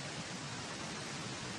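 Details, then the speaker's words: Simulated static-type tinnitus: steady hissing static noise without a clear tone, one of seven common tinnitus types. "L'American Tinnitus Association déclare qu'il existe sept types courants d'acouphènes, allant du bourdonnement, du rugissement, du tonal, de la bouilloire, de l'électricité, de l'électricité statique et"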